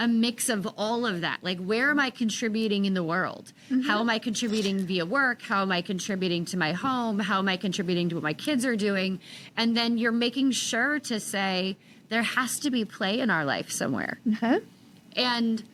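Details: Adult woman speaking; normal speech.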